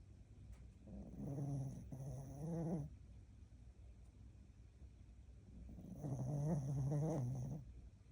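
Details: Sleeping dog snoring: two long, low, rumbling breaths separated by a quiet pause.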